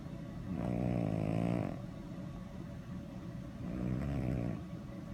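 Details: Sleeping, dreaming dog giving two long, low, rattling snores, each about a second long; snoring.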